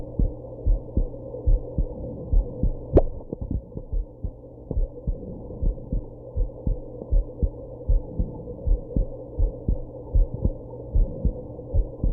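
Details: Steady low heartbeat near 77 a minute under a low hum after drinking some alcohol and smoking, with a sharp hiccup jolt about three seconds in; heartbeat with hiccups.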